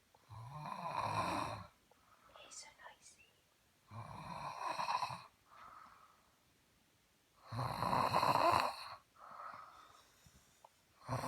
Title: Snoring like motorcycle